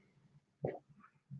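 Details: A brief, quiet, low gurgle rising out of near silence, recorded and volume-boosted: an ordinary bowel sound from gas and fluid moving.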